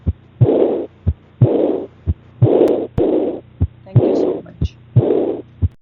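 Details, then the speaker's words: Regular heartbeat near 60 a minute with a blowing early diastolic murmur right after the second heart sound, due to aortic and pulmonary regurgitation; pediatrics teaching example. "so this is the early diastolic M due to AR and PR"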